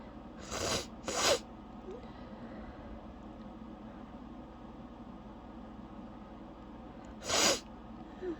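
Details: Two quick sneezes then a third after a pause, over quiet room noise; sneezing fit the person could not stop, leaving them breathless and lightheaded.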